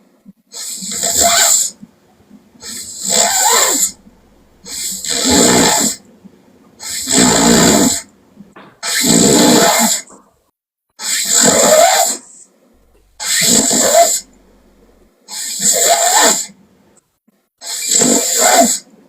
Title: Japanese Sleeping Girl Loud Snoring Funny (JPSL) Part 1